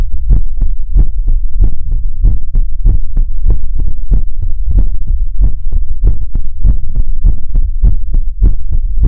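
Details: Heartbeat sounds in a Chinese ASMR livestream: steady, fast, deep thumping beats in pairs, around 140 a minute, with a low, boomy hum between them; a heartbeat.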